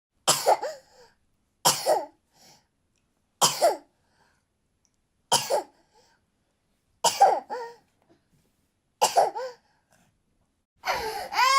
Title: Baby / Toddler Coughing [FREE SOUND FX]